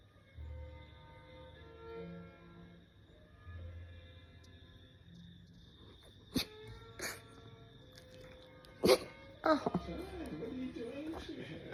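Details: Sausage dog (dachshund) sneezing repeatedly: several sharp, short sneezes over soft background music.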